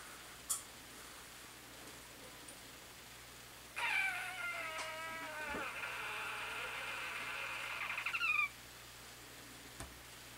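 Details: Rescue boa with a constant, long, high, whistling wheeze through one nostril that healed almost completely shut during rehabilitation; not a respiratory infection, under regular veterinary care; noisy breathing, wheeze.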